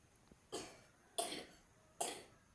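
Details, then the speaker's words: Child coughing after waking, three short sharp coughs each fading quickly in a quiet room, after drinking iced Pop Ice drink the day before; plain cough. "bangun tidur batuk-batuk"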